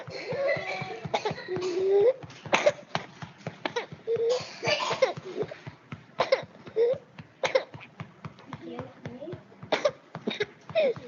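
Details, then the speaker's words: Child with paroxysmal (quintosa) cough of the kind linked to whooping cough: repeated bursts of short coughs in quick runs with brief gasping pauses, little mucus brought up despite seeming full of secretions. "entonces logran ver este es un tipo de todos asociada a hacer quintos a tienen la mucosidad de escasa no logran ver que a pesar de que el niño pareciera que está lleno de secreciones e incluso no logra sacar tanta este saliva y son todos que son como repetitivas"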